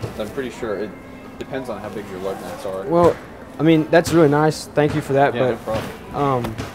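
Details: Adult speakers in conversation; Typical speech.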